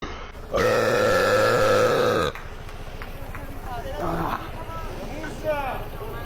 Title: Burping loud in the streets of Paris